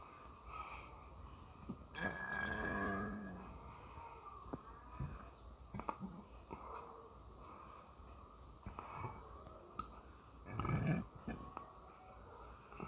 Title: Stomach noises while burping